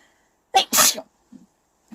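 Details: Young Taiwanese woman sneezing, induced by a nasal swab test after clearing her nose; she says it is very itchy and her nose runs and eyes tear.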